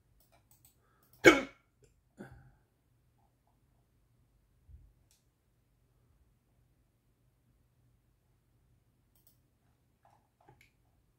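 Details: Persistent hiccups that won't stop, the person's fourth bout today: a quiet room with a few short, abrupt throat sounds spaced seconds apart; three or four hiccups heard.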